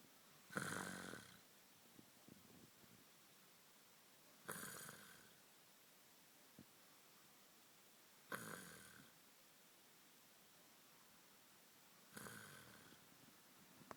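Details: Adult snoring: four loud, harsh snores about every four seconds, each with a rasping onset and fading tail, in a quiet room.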